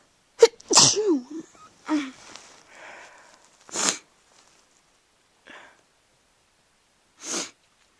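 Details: Series of sharp, explosive sneezes, four bursts; the first has a short inhaled catch and voiced release before it, then quieter ones.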